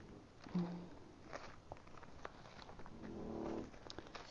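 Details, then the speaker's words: Faint background snoring heard during a talk: two soft, low rumbling snores a few seconds apart, against quiet room noise; ordinary snoring. "у меня тут храпит на фоне Но я даже не знаю в этом слышите или нет"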